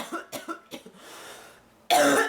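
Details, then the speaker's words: Woman on day two of illness, getting sicker, says it is officially bronchitis and reports chest pains: three short, harsh chesty coughs in a quick run, then a breath out. "day two of this I'm getting sicker I'm not blaming allergy and it's officially bronchitis and it's all her fault just so you know"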